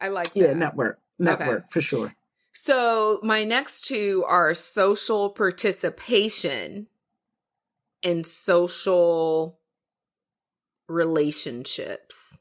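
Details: Adult speaker; typical speech.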